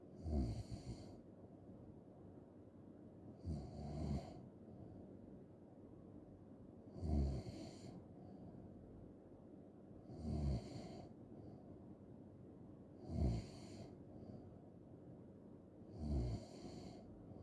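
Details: Loud, rattling snores on each in-breath, about 19 a minute, with quiet pauses between them; snoring ASMR recording.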